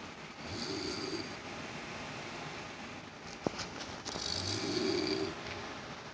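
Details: Elderly woman (grandmother) snoring in sleep: two soft, rough snoring breaths about four seconds apart, partly masked by a steady background hiss, possibly an air conditioner; poor-quality recording of snoring.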